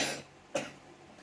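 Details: Single short cough from a child with a cough being given raw garlic as a home remedy, after a fading noise burst, in a quiet room; cough.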